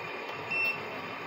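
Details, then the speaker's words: BiPAP machine with full-face mask: steady high-pitched electronic beep over a quiet hum, alarm that sounds when the mask slips off the patient's face during sleep or accidentally, signalling air leak; stops once mask is refitted. "Patient ঘুমের মধ্যে বা accidentally যদি mask সরে যায়, তাহলে মেশিনটাই আপনাকে অবগত করবে যে আপনি মেশিনের মাস্কটা পেশেন্টের মুখে আবারও সেট করে দেন। আচ্ছা, এই অ্যালার্মটা আবার চলে যাবে যখন আপনি ঠিকমতো মাস্কটা পরাই দিবেন।"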